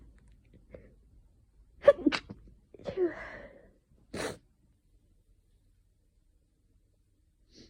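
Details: Sneezing fit from someone with an itchy nose, sneezing out of nowhere, possibly hayfever from tree pollen or an oncoming cold: several forceful sneezes in quick succession, each with a sharp inward catch and explosive burst.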